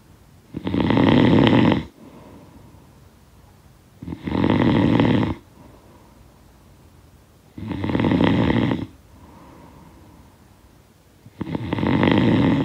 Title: Snoring Sound Effect